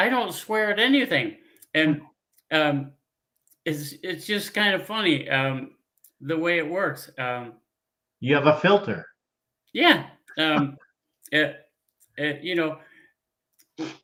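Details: Man, a former pilot, with aphasia from a stroke 15 years ago; he cannot read or write; speech with frequent fillers, pauses and word-finding difficulty; aphasia.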